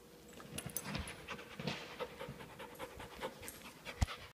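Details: Rapid, noisy panting breaths from a dog named Cody, fast shallow airflow in and out; heavy panting.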